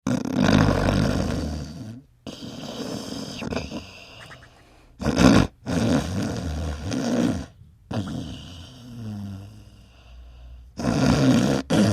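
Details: Sleeping dogs snoring with loud, rough, low fluttering snores in repeated bursts separated by brief pauses, their lips audibly flapping on each breath.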